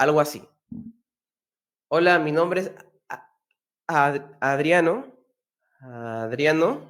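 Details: Man who stutters, speaking Spanish, demonstrates the preparatory set technique, saying a word he expects to block on softly, at low volume and slightly stretched; stuttering, preparatory set technique.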